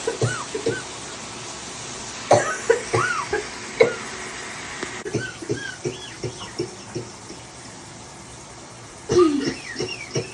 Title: My first cough video!